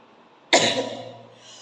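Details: One abrupt, explosive cough-like burst that fades quickly in a quiet room, during a sneezing challenge using coir fibre and grass to provoke sneezes.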